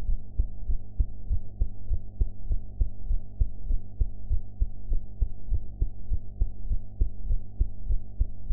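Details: Heart sounds recorded after eating, sound quality enhanced; steady, regular heartbeat thumps at about 100 a minute over a constant low hum.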